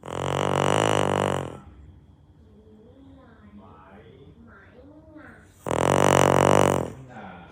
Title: OMG how loud My dog's snoring sound